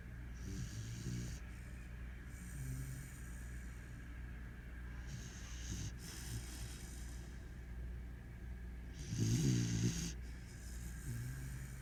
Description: We were watching tv and heard someone snoring.. We didn't expect it to be the dog!!!